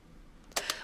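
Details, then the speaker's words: Two sharp mechanical clicks as the black tab of a Freedom 60 syringe pump locks against the syringe plunger. This happens before priming the tubing for a home subcutaneous immunoglobulin (SCIg) infusion. "continue to hold the syringe in place until the black tab clicks into place the black tab will push the plunger of the syringe to Prime the tubing with medication"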